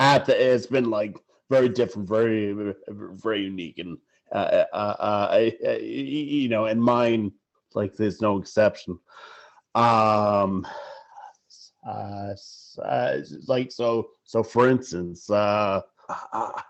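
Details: Adult man who stutters, with repetitions, fillers and broken phrases; stuttering.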